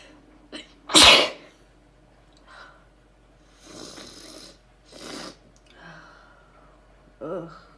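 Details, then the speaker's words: A few sneezes, recorded after sneezing about 20 times just before recording. "I just sneezed like literally like 20 times before I started recording."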